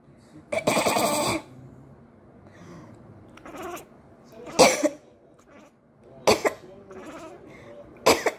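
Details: Several separate, dry coughs with quiet gaps and faint soft sounds between them, to which a sleeping pet cat reacts strongly. Cough.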